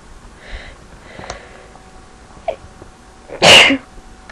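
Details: Induced sneeze: faint breaths, then one loud, explosive sneeze with a sharp burst of air, an ordinary sneeze.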